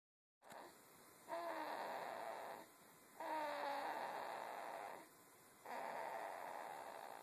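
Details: Baby snoring lightly: soft, slightly squeaky breathing noises in slow cycles, about 25 a minute.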